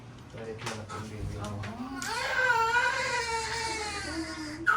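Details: Strong, sustained newborn cry right after a first-time mother's natural birth, rising from whimpers to a full wail, with voices in the room; a normal first cry.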